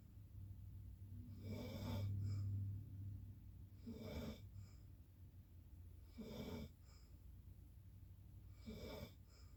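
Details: Snoring: regular rattling snores about every 2.3 seconds, roughly 26 breaths a minute, with a low buzzing tone on the breaths.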